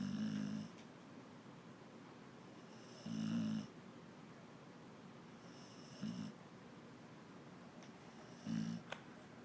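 Loud rattling snores recur about every three seconds, roughly 20 breaths a minute, over faint room noise.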